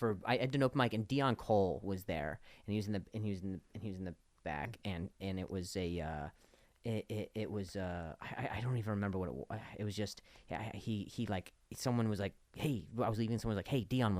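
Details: Stuttering in an adult male comedian with a known speech impediment, heard as word and phrase repetitions in podcast conversation.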